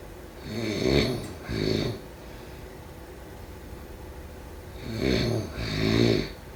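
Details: Paired rough snoring sounds with quiet pauses between breaths, during sleep: typical snoring.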